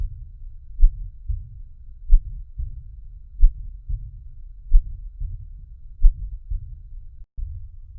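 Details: Slow, regular paired heart sounds about 46 a minute with a low whooshing murmur starting after S1 and ending before S2, a systolic ejection murmur.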